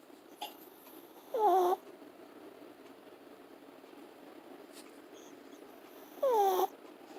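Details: Long-haired teacup Chihuahua snoring while asleep: two short, whistling, falling-pitch breath sounds about five seconds apart over quiet room noise; small dog's high-pitched snoring.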